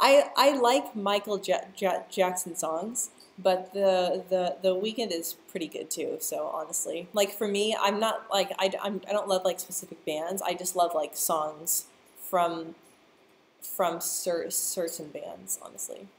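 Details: Adult woman who stutters, speaking live; part-word and word repetitions are audible; stuttering.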